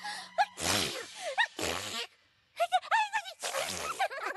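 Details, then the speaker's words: Simulated cartoon sneezes from My Little Pony animated show: cartoon voices with two bursts of breathy sneeze-like noise between short vocal sounds. "I certainly hope all of this dreadful dust was worth it. Achoo! Achoo! I was voted best sneeze."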